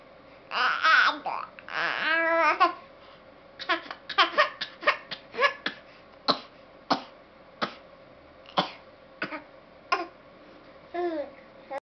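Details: Young child babbles to toy farm animals, then produces a run of short, forced, cough-like bursts; deliberate voluntary (fake) cough.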